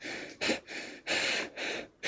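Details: Person wearing nose dilators and magnetic anti-snoring nose stickers said to ease breathing; noisy, hissing, forceful nasal breaths, some with a snorting quality; snorting.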